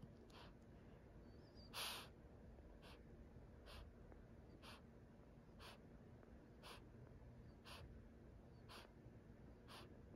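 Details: Dog that had been asleep in bed for about 1.5 hours, unresponsive during episode and dazed afterwards, later coughing; owner asks if heart-related: short, harsh, regular heavy breaths about once a second, abnormal rapid breathing.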